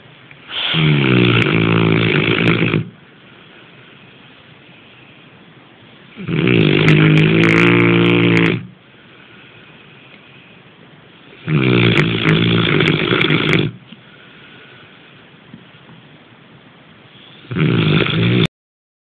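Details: Loud, rattling snores about two seconds each, roughly 11 a minute, separated by quiet exhalations: ordinary heavy snoring.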